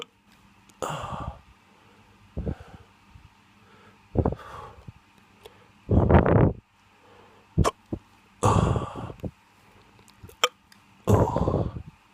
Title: Drunk hiccups